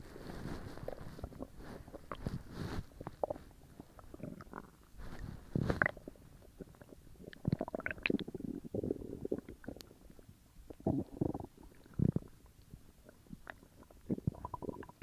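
Irregular low gurgles, squelches and rumbles: active bowel sounds after a large meal, a normal finding.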